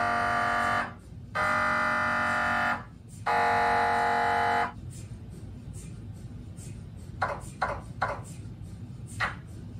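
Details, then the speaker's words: MRI scanner running, using radio-wave pulses and a magnetic field to image a body part such as the brain: loud sustained buzzing tones in long bursts with pauses, then quieter knocking. "Así suena una máquina de resonancia magnética. A través de pulsos de onda de radio y de un campo magnético, la tecnología realiza un mapa de la parte del cuerpo que está siendo retratada."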